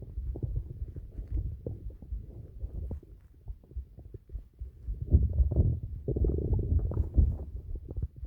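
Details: Low irregular gurgles and rumbles from an adult abdomen, an older recording: ordinary stomach noises, bowel sounds (borborygmi).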